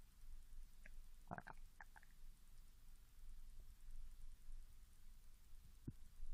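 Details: Japanese woman, no food for 16 hours, growling started after drinking mineral water; recorder held directly near the stomach: faint squeaky gurgles and a brief rumble over low room noise, hunger stomach growling (borborygmi).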